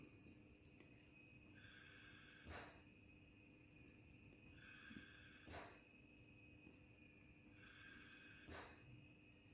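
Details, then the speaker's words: Portable mesh nebulizer (AirICU Plus) in a mechanical ventilator circuit on a test lung, tidal volume 200, in synchronized mode with inspiration: soft steady machine hum, breath-like cycles about every three seconds, faint beeps. "I'm going to start the device now pressing the on-off button for 2 seconds. And the synchronization mode mode will start automatically."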